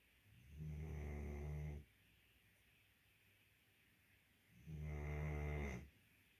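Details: Sleeping guardian dog: two deep, rumbling snores about four seconds apart, each just over a second, with quiet room noise between; ordinary snoring.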